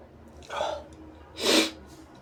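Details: Person recording sneezes: a quick intake of breath, then a single forceful sneeze in a small room; sneeze.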